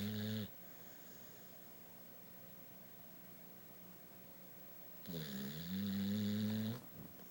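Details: Male pit bull dog snoring during sleep: two loud, rough, buzzing snores in a quiet room, separated by a long pause.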